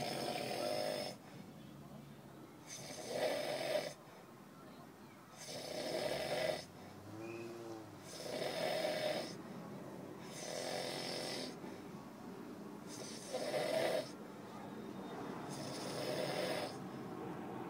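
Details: A male asleep in a car on a road trip, snoring: rhythmic, rattling snores with each breath, about 22 a minute, with quieter gaps between them.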